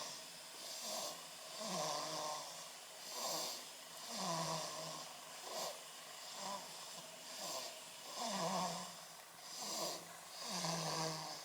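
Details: Infant snoring in sleep: soft, rhythmic snores with a slight whistling quality on each breath, about 13 breaths a minute.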